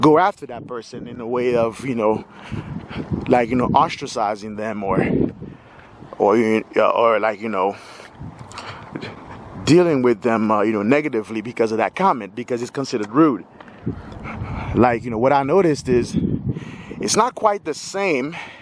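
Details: Stuttering in a 46-year-old man who says he has stuttered all his life.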